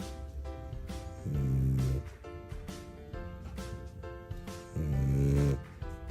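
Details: Two long, loud, low rumbling snores from a sleeping French bulldog, with music playing over them: snoring.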